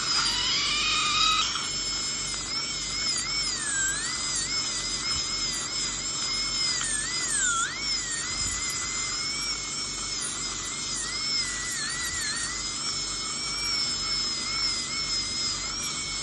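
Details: High-speed dental drill whining steadily with wavering pitch over low room hum during crown preparation for a porcelain-fused-to-metal dental bridge replacing extracted right upper second premolar and right lower first molar, with drifting of adjacent teeth, on a real patient.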